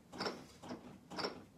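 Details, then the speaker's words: CPR chest compressions on a training manikin at about two per second, using body weight rather than arm strength, during basic life support training before AED use: rhythmic mechanical clicks and thumps. "that allows for a good compression to happen each and every time and i'm using my body weight to do this i'm not using my my arms or the strength of my biceps to do this"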